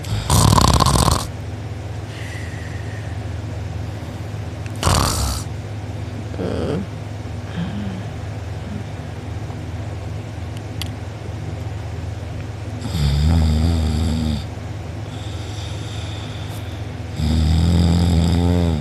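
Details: A person recorded asleep with mouth open and drooling, who later had a sore uvula and soft palate: loud, rough snoring on several breaths in, with quieter breathing between and steady room hum. Snoring.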